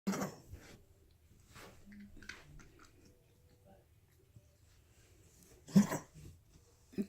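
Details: A pet gives a few short, harsh coughing bursts spaced apart, with quiet room noise in between; cough.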